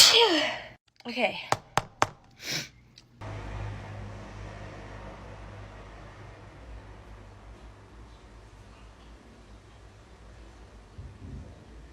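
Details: A forceful sneeze, then a few quick sharp bursts and breaths before steady background hum; sneezing triggered by a nasal swab during a COVID-19 test.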